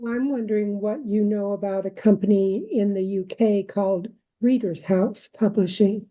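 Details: Adult woman speaking; normal speech.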